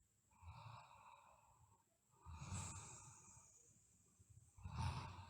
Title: Sleeping Girl Snoring